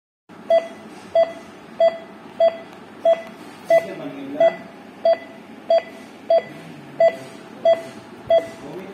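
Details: GE Dash 3000/4000 patient cardiac monitor running with ECG probe, SpO2 and NIBP alarm settings: regular beeps about 92 a minute, each tone marking a heartbeat, faint room noise.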